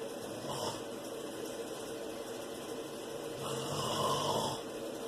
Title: Open Mouth snores